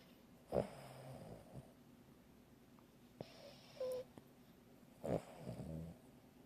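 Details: Light snoring in a quiet room: soft, short snorting breaths with brief rattling, a few seconds apart.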